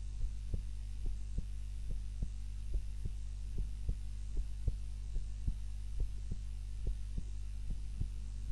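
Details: Own heart sounds recorded on a timer while napping, lying on the back (supine) rather than the usual face-down position: soft, regular low thumps, roughly 70 a minute, over a steady hum; normal heart sounds.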